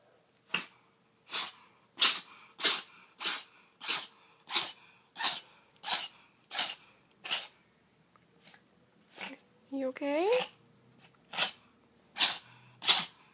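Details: Cat (kitty) sneezing repeatedly in a bout lasting over a minute: about fifteen quick, sharp sneezes, roughly one a second, with a short meow partway through; sneezing.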